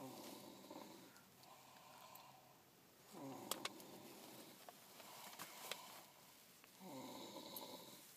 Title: Roncando